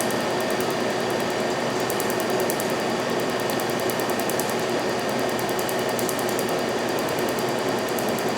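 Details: Steady, rapid snapping and crackling pulses over a constant hum: Astanza Trinity Q-switched laser firing at 1064 nm during a tattoo removal pass on a multicolor tattoo, second treatment, partial removal; Q-switched laser pulses.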